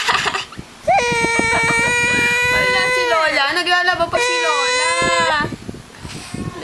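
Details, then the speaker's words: Infant crying: two long, sustained wailing cries with a clear, steady pitch separated by a brief pause; adult remarks the baby may just be acting cute. "Ang galing naman umiyak niyan. Iyak ba yan? Nagpapa-cute ka lang."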